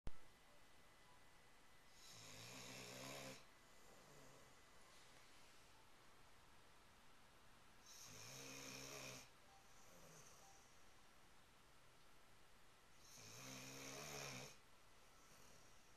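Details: Three rough, vibrating inspiratory snores about 5–6 seconds apart (roughly 11 breaths a minute), quiet breathing between, over steady room hiss; snoring.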